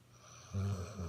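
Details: 7-month-old Labrador snoring during a nap after a morning run; brief low, buzzing snore starting partway through after quiet breathing.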